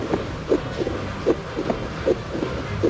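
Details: Fetal heartbeat on a Contec handheld fetal Doppler: rapid, regular whooshing thumps, about 150 beats a minute, over a steady hiss.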